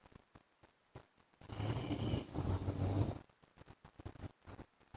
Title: PART 2 FOR SLEEPING WITH MY HUSBAND'S SNORING SOUND